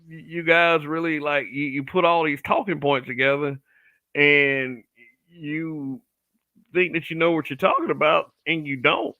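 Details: Adult man who says he stutters a little on certain words; stuttering.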